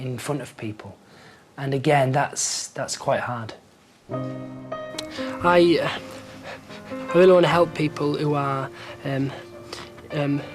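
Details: Stuttering with word repetitions and hesitations in a young man at the start of an intensive four-day McGuire Programme course, before learning the technique.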